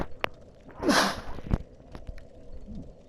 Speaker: if you were able to hear that sneeze anyhow